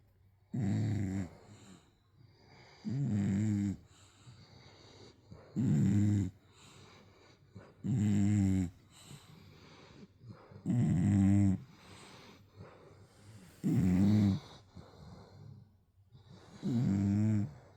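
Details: A sleeping English bulldog snores loudly with regular rattling snores, about 7 a minute, with quieter breathing between them.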